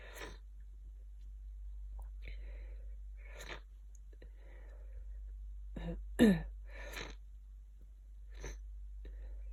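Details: Person with a bad cold and a very blocked nose, in bed for 2 days: sniffs and short breathy bursts, with one sharp sneeze in the middle, in a quiet room.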